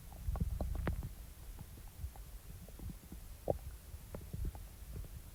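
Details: Soft, low gurgles and brief bubbling pops over a quiet hiss are ordinary stomach rumbling (borborygmi) after eating, recorded around chewing gum and a fruit snack.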